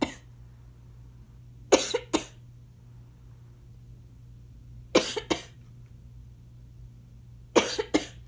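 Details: Adult with asthma: three pairs of short, harsh double coughs, about seven in all, with quiet gaps and a low room hum; an inhaler may be audible. Asthma cough.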